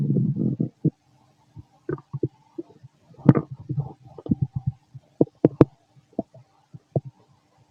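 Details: Fit male, stomach growling while digesting: irregular low gurgles, squelches and short pops from the belly, loud and frequent; very loud borborygmi.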